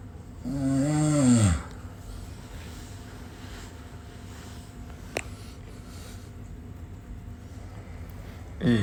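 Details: Loud, low, rattling snore from a sleeping person (Khalis) in the morning, then quiet room noise with a brief click.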